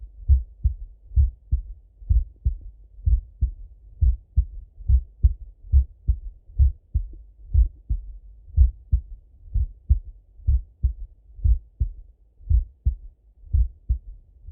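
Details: Male full heart auscultation through a stethoscope, recorded partly sitting at a desk and partly lying in bed: steady paired low thumps at about 62 beats a minute; normal heart sounds.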